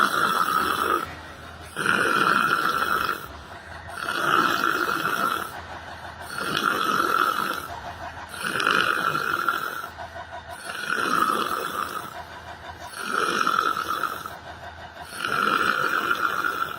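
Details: Person sleeping while sitting on a bench in a library: loud, rhythmic rasping snores, about 29 a minute, each with a whistling tone and quieter pauses between; habitual snoring.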